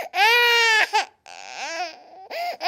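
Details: Baby crying sound added over an unrelated video: loud, high-pitched wailing cry in short bursts with pauses; infant cry.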